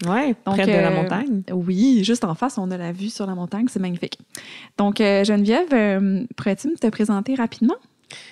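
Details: Adult woman; no speech disorder.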